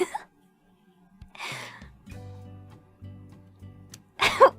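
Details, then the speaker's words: Held-back sneezes while trying to sneeze cutely, described as a fake sneeze: two short, soft sneeze bursts over background music. "that was me holding back my sneeze for sneeze well i told you before i don't have cute sneeze that was me holding back that was me trying to sneeze cutely that's my my fake sneeze but even it's not cute"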